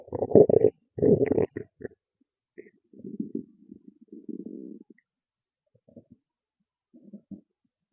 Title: Loud Stomach Growls and Gurgles (Full Video Available) #stomachnoises #stomachrumbling #stomachasmr